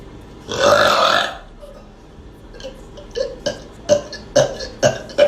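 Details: One long, loud belch followed by a run of shorter, quieter belch-like sounds, tagged as a burp girl; repeated burping.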